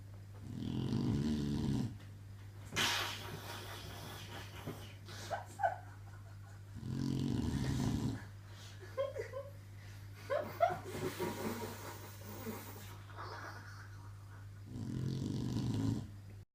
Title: Olay snoring